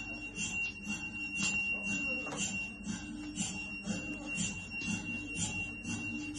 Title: MRI MACHINE